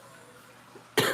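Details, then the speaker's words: Adult with a persistent cough lingering after a cold, taking Mucinex that she says dries her throat and makes her cough: a single short, forceful cough after a quiet moment. "you've been having a weird cough I I just think it has to do"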